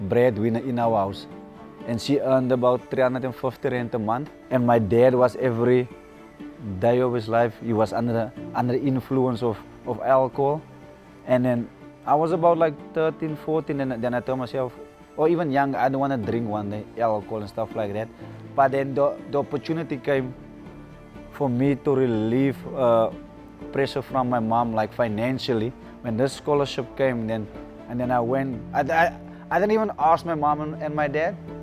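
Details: Adult male former professional rugby sevens player with a stutter that he says he has worked to overcome; real; stuttering.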